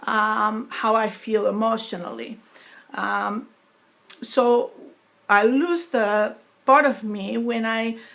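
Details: Woman with foreign accent syndrome after a stroke in November 2012, eight years after onset; accent perceived as foreign (sometimes Russian, sometimes Greek) in place of her native New York accent; she reports the deficit lessens when she speaks faster.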